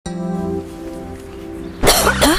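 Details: Acted cough in an Indonesian herbal cough syrup advertisement: a sustained musical tone, then two short, harsh cough bursts from an adult.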